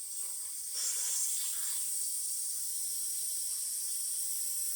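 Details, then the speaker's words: Continuous high-pitched hiss as leftover oxygen is bled from a portable oxygen cylinder by unscrewing it before refilling or changing; the gauge arrow is in the red. Residual gas release. "But this one, there still have air, so before we're going to fill it, we need to unscrew this one just to release the air."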